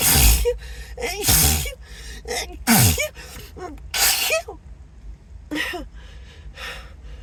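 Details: Acted, announced sneezing fit; the speaker apologises, says the nose tickles and suspects an allergy: about six loud sneezes, each with a gasping in-breath, with soft music behind.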